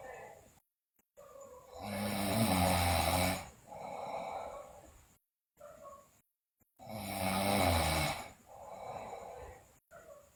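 Loud, rough snores on the in-breath, each followed by a softer out-breath, about 12 breaths a minute.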